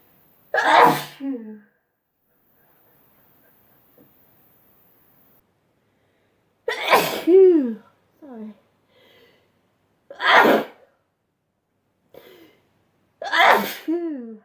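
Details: Four loud, separate voiced "achoo" sneezes, each with a falling vocal tail, in a quiet room; from a sneezing compilation.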